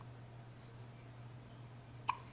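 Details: Baby boy with hiccups, recorded on a Flip Video camcorder: a single short, sharp hiccup over a steady low hum of room noise.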